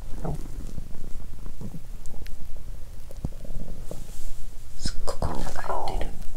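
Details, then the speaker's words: Low gurgling rumbles and squelches rising and falling, swelling louder toward the end, from an empty stomach after more than 15 hours without food: hunger bowel sounds (borborygmi). "But this time the sound of hunger is not the main 🙇."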